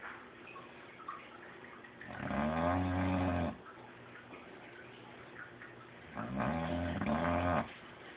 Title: Snoring Dog